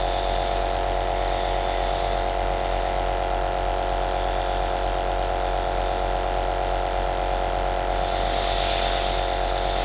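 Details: Aerosol nebulizer compressor running, recorded as white noise: steady mechanical hum with a hissing, buzzing airflow, unchanging throughout.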